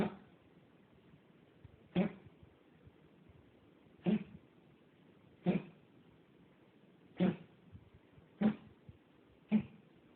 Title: Teddy Coughing